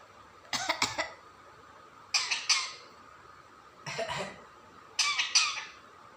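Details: A talking parrot calls a name, then gives four short, harsh, high-pitched cough-like bursts: a mimicked cough, not illness.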